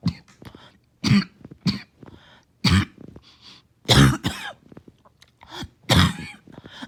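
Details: Back-to-back coughing fit with about five strong, harsh coughs in close succession and gasping breaths between; repeated morning coughing fits have left the person winded.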